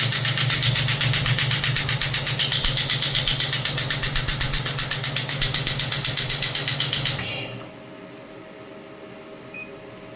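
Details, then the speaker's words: Loud, rapid, regular mechanical pulsing about four per second for seven seconds, then stopping, from a clinical pneumatic shockwave therapy unit (0.5–12 bar) demonstrated at higher intensity while resting on a table; device firing. "Machine table पे है इसलिए थोड़ा vibrate करेगी ज़्यादा intensity में।"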